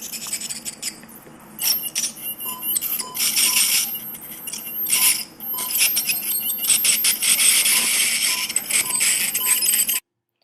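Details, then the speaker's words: Ultrasonic dental scaler cleaning a dog's teeth under anesthesia during professional dental cleaning: loud, shrill hissing and whining bursts with clinking, showing how loud the scaler is. "for this next segment I'm going to turn the volume back on on in our video so that you can hear how loud the dental scale or is so you have an idea of how nervous or how scared our patients may be if they were actually awake for this procedure"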